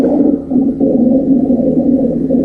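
Low-pitched, continuous rumbling, snore-like sound through the breath: rhonchi from a narrowed or obstructed airway.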